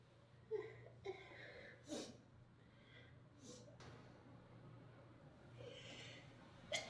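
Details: Several catching, hitching breaths building up before a sharp sneeze at the end: a sneeze with a long buildup.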